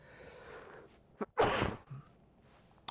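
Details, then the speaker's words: An adult gives one big sneeze during a blues music lesson, then says "one more" and "excuse me"; sneeze. "Oh, big sneeze there. One more. Oh, excuse me."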